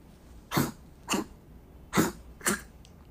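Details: Dog recorded while asleep: four dry, harsh cough bursts, as if something is caught in its throat; brought to the hospital for the cough.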